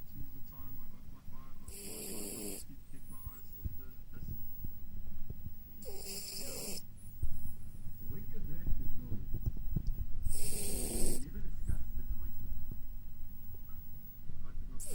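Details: Sleeping female Jack Russell terrier puppy snoring: three soft snoring breaths about four seconds apart over low room noise.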